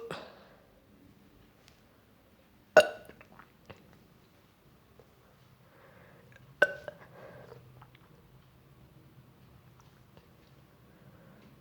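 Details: Nauseous, sick person burping, later vomited: two or three short, abrupt burps separated by quiet pauses, with faint room noise.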